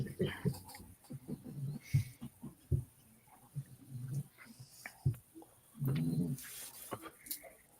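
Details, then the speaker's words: Sleeping puppy snoring: low, irregular snorting and rumbling breath noises, faint against room noise, picked up through a speaker's headphones during a talk show. "What the fuck is that noise? Is there somebody sleeping? My dog snoring. I was about to say, the dog snoring."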